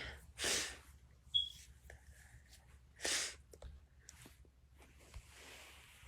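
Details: Sneezing: two sharp, airy sneezes a few seconds apart, with quiet breathing and small movement sounds between.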